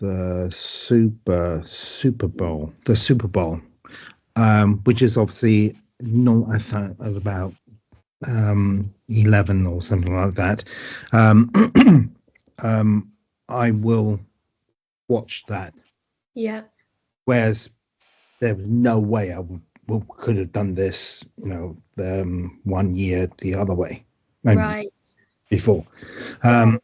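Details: Aphasia after a stroke in a man, with word-finding difficulty, trouble saying numbers, tiredness and needing time to speak; aphasia.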